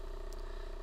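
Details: Steady, fast, low buzz from an AchedAway percussion massager running at level 3, about 2400 strokes a minute.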